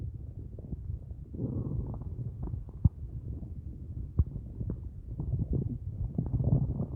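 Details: Empty stomach at the end of a day with only a large cup of coffee: continuous low gurgling and rumbling with sharp squelches, hunger borborygmi.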